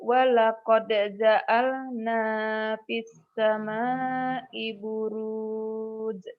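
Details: Adult reciting in chant style; no voice disorder.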